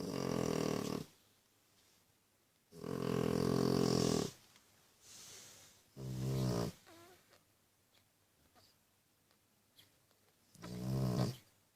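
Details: Loud, deep, rattling breaths with quiet gaps, about four in twelve seconds, from a mother snoring while feeding her babies: heavy snoring.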